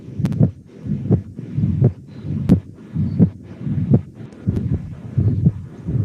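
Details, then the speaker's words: Mitral regurgitation murmur, heard at the mitral (apical) area in a heart-sound teaching recording: regular heartbeat about 85 a minute with a blowing murmur filling the space between beats. "hai magazine ini untuk mitral regurgitasi tadi yang ada yang paling bawah ya"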